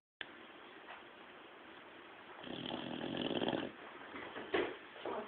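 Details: Sleeping bulldog whose owner has never heard anything like it: raspy, rattling noisy breathing with a louder snorting snore; flat-faced dog snoring.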